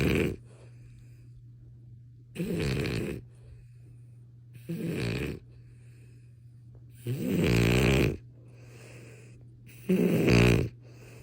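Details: French bulldog snoring: loud, rough bursts on the in-breath, about 24 a minute, with quiet gaps and a steady low hum behind.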